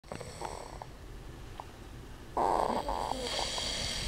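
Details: Father and baby snoring together during sleep: rough, fluttering snore sounds with faint room noise.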